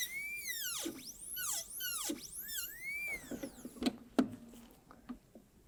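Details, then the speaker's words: Dental drill whine rising and falling, then short grinding touches, run dry on a model tooth #18 during gold onlay preparation, adjusting and checking occlusal clearance on the mesial-facing incline; high-speed dental drill. "so i'm just doing a lot of checking and then adjusting and checking and adjusting"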